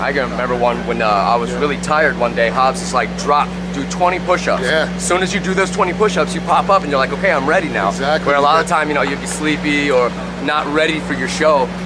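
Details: Adult man speaking; normal speech.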